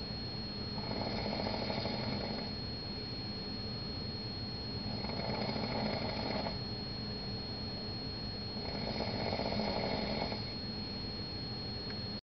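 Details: Person snoring in a Las Vegas room after the curtains were opened: three rough, rattling snores about four seconds apart, roughly 15 breaths a minute, over a steady high whine; snoring.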